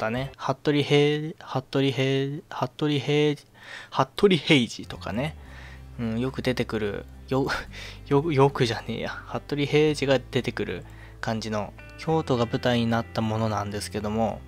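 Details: Self-described stuttering in a young Japanese man speaking casually; word repetitions audible.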